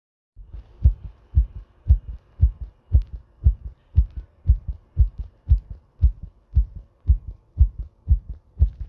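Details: Strong, steady, pounding heartbeat at about 110–115 beats a minute, each beat a deep double thump; heartbeat.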